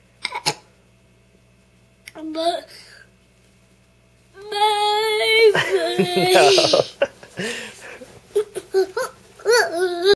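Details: Infant cry: fussing and babbling that rises into a few seconds of wailing, then settles into short whimpers, with a faint adult voice.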